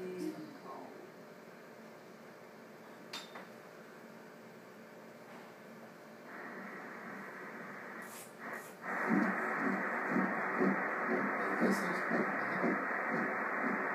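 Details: Ultrasound at 6 weeks 2 days (embryo 5 mm, yolk sac visible, cervix closed): quiet room, then rapid regular whooshing pulses near 120 a minute, a normal early fetal heartbeat.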